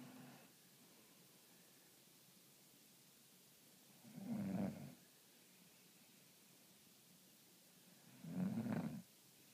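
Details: Sleeping mother snoring, with low, rough snores and quiet pauses between them, about 15 a minute in a quiet room.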